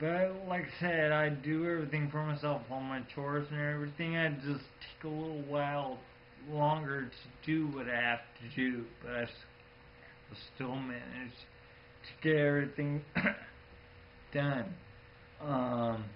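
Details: Ataxic dysarthria in a 34-year-old man born with Friedreich's ataxia, a progressive genetic disease of the nervous system; he says FA can cause speech difficulties but does not say his own speech is affected.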